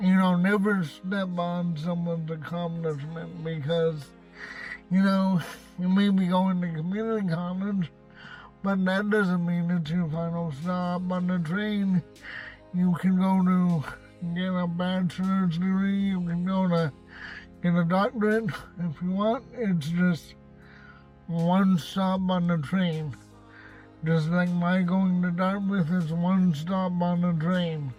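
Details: Adult man with cerebral palsy and a self-described speech impediment, speaking in his car; dysarthria (cerebral palsy).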